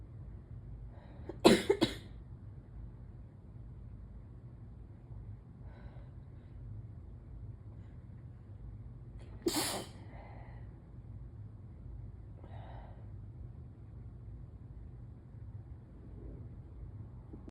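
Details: Intense morning allergy sneezing: two forceful sneezes with sharp bursts of air, each followed by a short breath, in a quiet room.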